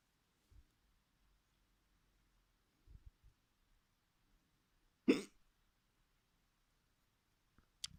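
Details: Person experimenting with their hiccups: quiet room, soft sudden catches and one loud abrupt gulping hiccup mid-clip, another sharp one at end; hiccups.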